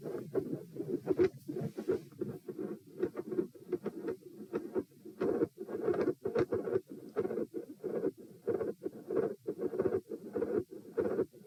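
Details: Auscultation stress test at position P (rates 78–102–120–138 bpm across lying, sitting, standing, bobbing, standing; unusually loud supine): very loud heartbeat near 90/min, dense and rasping, with an S2 murmur.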